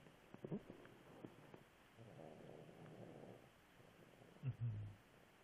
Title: Snoring panda